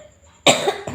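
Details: One harsh, forceful cough burst in a quiet room from an older woman who says she is ill with cough and fever and mentions a heart complaint: an adult cough.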